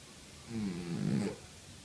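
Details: Cat in deep sleep snoring: a single soft, rumbling snore on the in-breath against quiet room noise.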